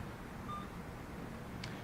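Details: A single short, soft electronic keypress beep over quiet room noise from an Alaris CareFusion infusion pump while nicardipine is titrated from 5 to 7.5 mg/h during stroke patient transport.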